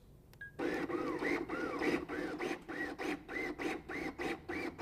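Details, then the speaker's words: LUCAS portable mechanical chest compression device, demonstration: rhythmic pumping with rising and falling whine, about 100 strokes a minute, in continuous active mode after setting the suction cup start position. "Use the pause button to set the start position for the suction cup. Press the active button for continuous compressions."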